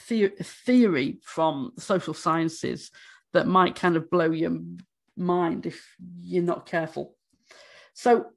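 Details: Stammering in an adult woman who states she stammers, speaking during a conference presentation.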